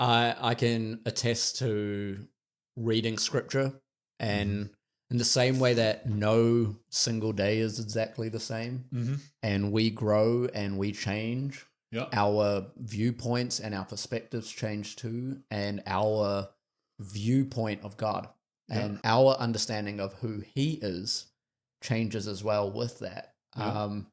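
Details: Adult male speaker; typical speech.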